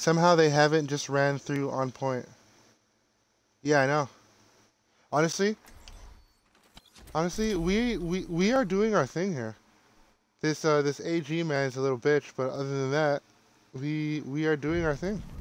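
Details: Male gamer with his own real stutter, with repeated phrases while streaming; stuttering.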